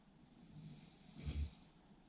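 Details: Snoring during sleep: a single low, rattling snore on a breath in over quiet room noise, described as sleep-inducing to listen to.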